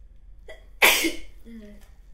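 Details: Acted hay-fever sneeze by a nurse character: a single sharp, explosive sneeze with a brief intake of breath before it, followed by a short voiced sound.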